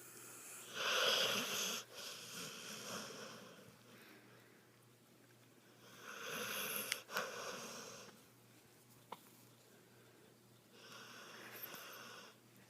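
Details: Dog asleep in the owner's arms, snoring and snorting: three long, noisy, hissing breaths about five seconds apart, roughly 12 a minute, with a faint whistle.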